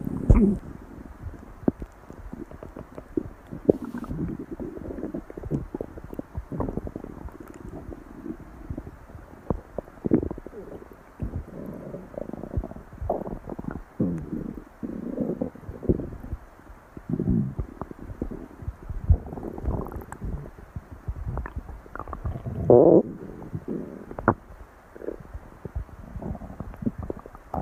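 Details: Stomach growling from hunger, described as very, very hungry that day: low, irregular gurgling and rumbling (borborygmi).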